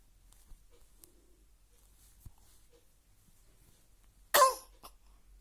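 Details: 13-day-old baby: quiet room, then one short, sharp burst of breath; a single sneeze.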